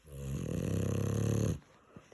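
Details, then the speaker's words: Sleeping subject snoring, likened to a tractor: one long, loud, rumbling snore on an in-breath, then quiet. "как трактор это не трактор это наш спит"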